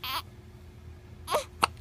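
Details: Infant with hiccups: three brief whimpering cry sounds, the last sharp and abrupt, possibly with a hiccup; short infant cries.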